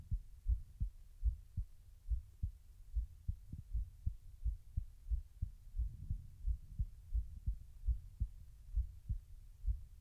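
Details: Own heartbeat recorded while trying to slow the heart rate: clear, steady low thumping with distinct lub-dub pairs.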